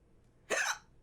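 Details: Adult female streamer with recurring hiccups, which she thinks may come from eating too fast: a single abrupt, brief hiccup with a sharp onset and quick fade.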